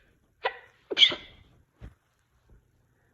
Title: Sneezing